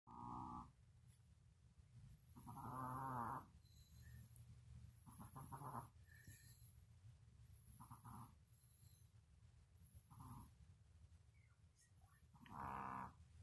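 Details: Yorkie dog sleeping with soft, irregular snorting snores and pauses between breaths, over quiet room noise; snoring.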